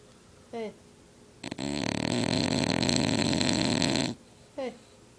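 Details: Overweight sleeping bulldog, tired after playing hard through two weeks of boarding: long, loud, rough rattling breath between short squeaky sounds; heavy snoring.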